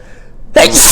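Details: Single morning sneeze with snot; the person says they are always like this in the morning: a brief quiet intake, then a sudden loud, hissing burst of air.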